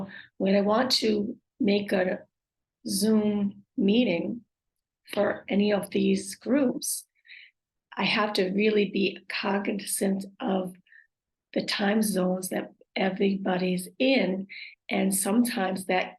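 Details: Aphasia with apraxia of speech and dysarthria, acquired after a stroke.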